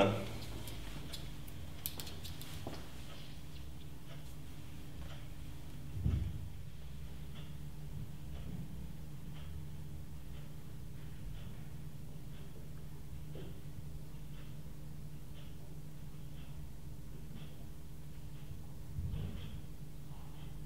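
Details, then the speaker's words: Abdominal auscultation with a stethoscope on a 28-year-old male lying supine in an OSCE examination demonstration: hiss with a few soft, scattered gurgles, normal bowel sounds showing ordinary gut activity. "I'm going to have a listen to your tummy now,"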